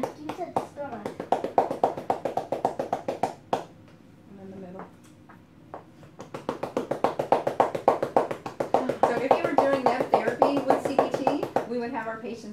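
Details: Manual chest percussion during chest physiotherapy for airway clearance in cystic fibrosis, child patient lying on his belly, two lobes at a time: rapid hollow rhythmic clapping about 210 a minute with a short pause.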